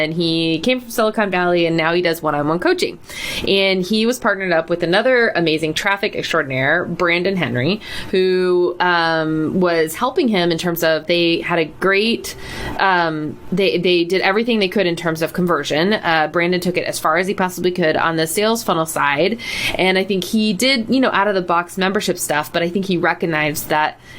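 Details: Adult woman speaking; normal voice.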